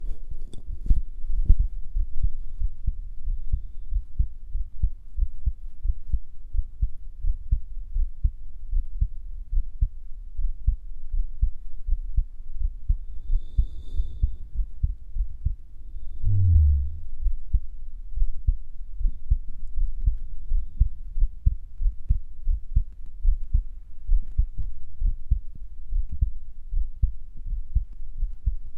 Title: pounding male heartbeat w/ heavy breathing